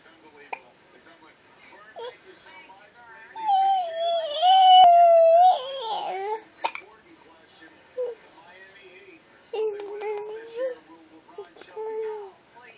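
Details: Infant with hiccups: soft, high-pitched whimpering with one longer drawn-out cry and a few brief sharp catches, in a quiet room; infant cry.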